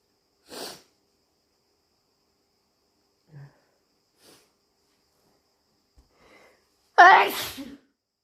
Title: Super strong, loud and wet sneezes! Allergies?